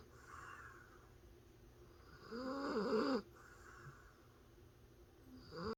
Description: Senior dachshund Grace asleep with eyes open and snoring.